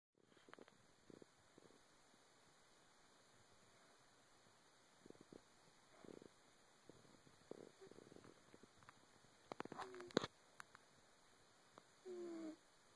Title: Sleeping, Wheezing Lola #2 - Aug 2012